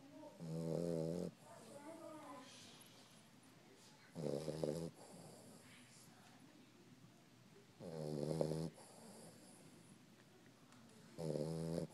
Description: Boxer puppy sleeping and snoring.